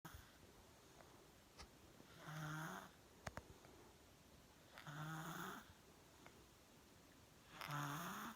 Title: I snore louder than my mum (Dad doesn’t snore)